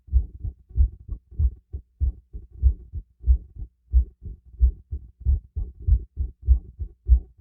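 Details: Heartbeat recorded by stethoscope during light workout with breathing: clear, regular lub-dub heart sounds at about 95 beats a minute, quickened by light exercise; normal heartbeat.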